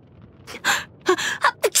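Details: Voice-acted game character Yanfei in cold weather (Dragonspine): a few quick breathy catching inhalations, like the build-up to a sneeze; gasping.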